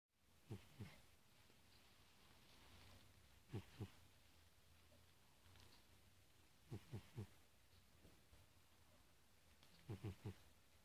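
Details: Soft, low, fluttering snores in short bursts of two or three, repeating about every three seconds.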